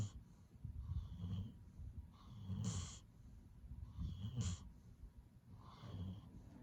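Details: Sleeper snoring peacefully: rhythmic low rumbling snores with soft snorting, about 35 breaths a minute, steady throughout; ordinary sleep snoring.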